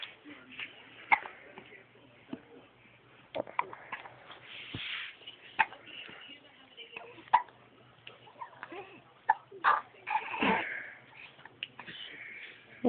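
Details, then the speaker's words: A 10-week-old baby girl's hiccups: brief sharp catches recurring every second or two under soft adult talk; she has a rash on her chest. "ed you got the hiccups huh hi I love you"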